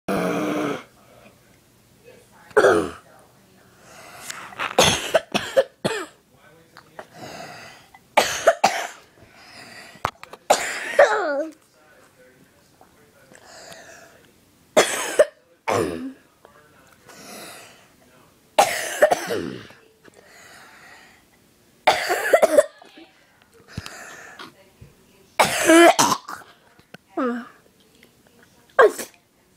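Repeated sharp adult coughs in separate bouts, with quiet breathing between them.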